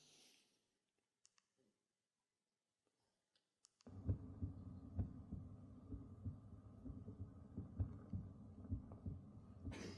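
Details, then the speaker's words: Intrauterine sound as heard by a fetus in the womb from about four and a half months after conception: low, muffled whooshing with a steady rhythmic maternal heartbeat near 65 a minute, plus breathing and stomach gurgling. "you're listening to is the sound of the baby here is in the womb all the time 24 hours a day heartbeat breathing and stomach gurgling"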